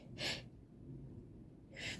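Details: Allergy sneeze attack in a person who reports feeling sick: two sharp hissing sneezes about 1.5 seconds apart with quiet breathing between.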